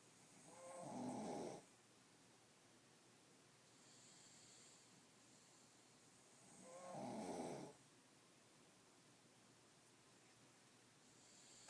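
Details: Sleeping dog's usual snoring: two soft, rough snores about six seconds apart with quiet breathing between, roughly ten breaths a minute.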